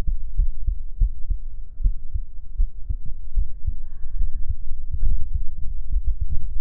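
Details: Heartbeat recorded and listened to through headphones: steady, regular low thumps at about 80 beats a minute with a faint hum behind; a normal heart rhythm.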